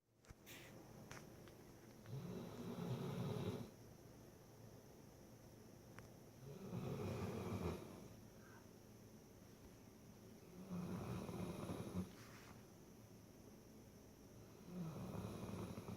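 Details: Sleeping dog snoring like a person: deep, rumbling snores at steady intervals, about 14 a minute.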